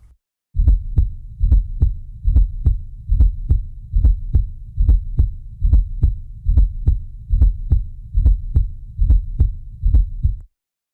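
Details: Teaching recording: regular heartbeat near 71 a minute with a soft extra sound just before each first heart sound; fourth heart sound (S4) gallop.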